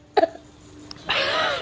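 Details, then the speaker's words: A 3-year-old boy who is not feeling well gives two quick, soft coughs on request, then a longer voiced sound; a mild, brief cough. "what's wrong you have a cough let me hear it let me let me hear the cough"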